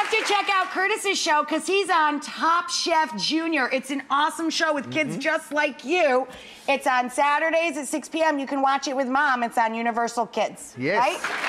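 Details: Adult woman speaking; normal speech.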